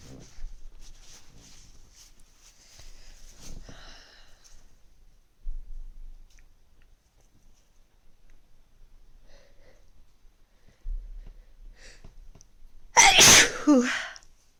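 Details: One loud explosive sneeze after quiet sniffing and breathing build-up, in a person feeling a cold coming on, the first in months.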